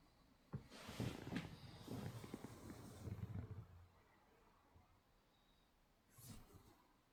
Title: snoring dog